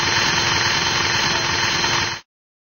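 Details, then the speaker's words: Simulated virtual knee replacement on a 76-year-old man: steady high motor whine of a surgical drill boring a hole into the femur to set up the distal femoral cutting jig and alignment device, stopping abruptly. "a hole must be drilled inside the femur to set up the distal femoral cutting jig and alignment device"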